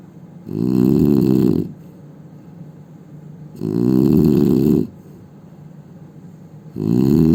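Loud, vibrating snores on each breath in, separated by quieter breath out, about nine breaths a minute; heavy snoring.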